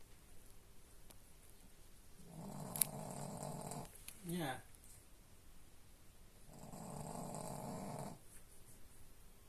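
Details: Sleeping dog snoring: two slow, low rumbling snores with a brief snort between them, in a quiet room.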